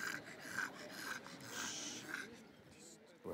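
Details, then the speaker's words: Brachycephalic dog whose nose and mouth are so small they restrict airflow: quick, noisy, slightly raspy open-mouth panting, about two breaths a second, with loud breath sounds. "det vill säga det blir svårt med luftig trädet därför att både nos och munhåla alltihopa är inte hoptryckt utan det är så litet så att utav den anledningen inte släpper igenom luft"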